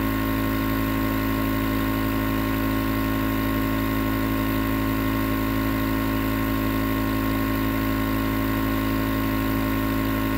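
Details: Continuous nebulizer compressor running, recorded as white noise for sleep: loud, steady buzzing hum without a break.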